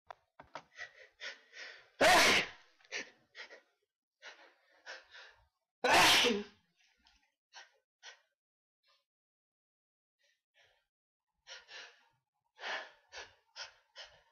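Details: Sneezing: two loud, explosive sneezes, each preceded by a string of quick, hitching, gasping breaths.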